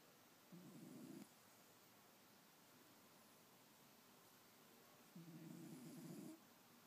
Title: Dunkin Snoring